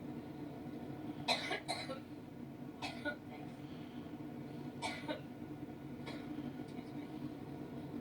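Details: Coughing fit from a woman on her campaign plane while speaking with reporters: about eight short coughs, mostly in pairs, over a steady engine hum; the uploader suspects a drop of blood, which is unconfirmed.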